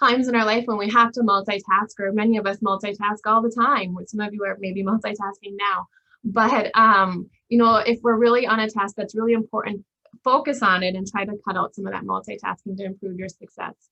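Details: Adult woman speaking; normal speech.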